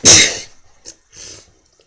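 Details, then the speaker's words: Man deliberately inducing repeated sneezes by pressing a fingernail against the inner nostril wall: one short, hissing sneeze burst followed by soft breaths. "gets a little harder after takes a little longer more pressure and you can move around the wall too get you know just takes more after each sneeze"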